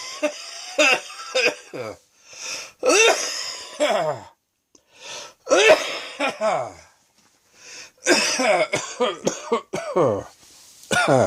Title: Afternoon Wheezing and Coughing 2